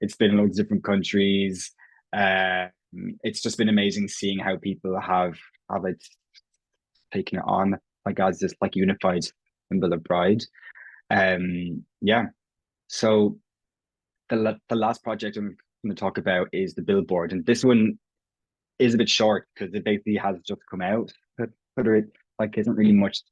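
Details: Irish adult man who has stammered since he can remember, self-identifying prolongations, repetitions and blocks; real, not acted: stammering (stuttering).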